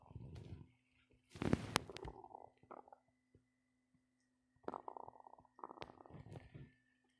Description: My belly start to growl a lot